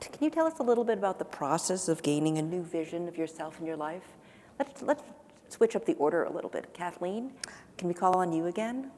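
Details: Adult woman; typical speech.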